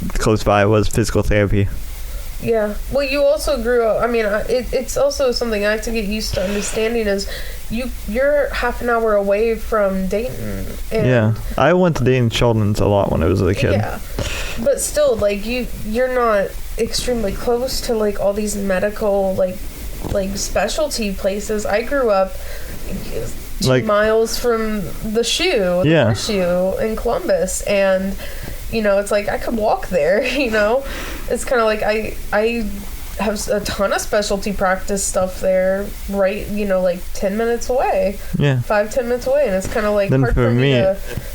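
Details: Adults in conversation; typical speech.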